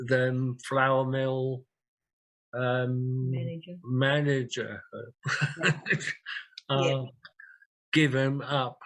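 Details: Aphasia in a real 67-year-old man after two large strokes, 18.5 and 6 years earlier; he uses a communication board.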